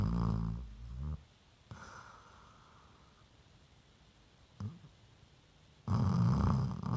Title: Onslow the Basset Hound snores